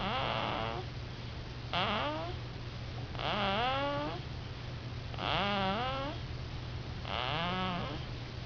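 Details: Sleeping infant snoring: short, squeaky, whistling snores with each breath, about 33 a minute, over a steady room hum; noisy infant sleep breathing.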